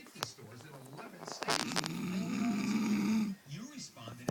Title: My wifey !!snoring !! Loud lol at sleep